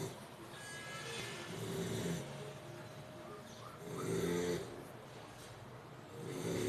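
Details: American bully dog snoring in sleep: slow, rough snores, about one every few seconds, with faint room noise.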